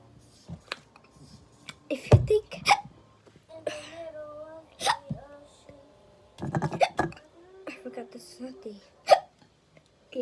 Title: Sorry, I have the hiccups